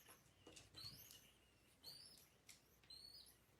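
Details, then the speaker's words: Tiny pet call duck, unethically bred with very small nostrils, held upright while being cleaned: faint, high, squeaky breaths about once a second, noisy breathing through narrowed nostrils. "And Sugar already has a harder time breathing because of her incredibly small nar, which are also due to being unethically bred."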